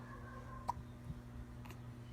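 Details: Baby with hiccups: two short, sharp hiccup sounds over a steady low room hum.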